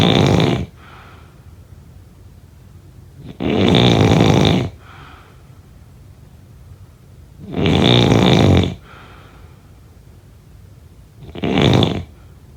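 Loud, rattling snores on each breath in, spaced by quiet pauses, about 16 breaths a minute.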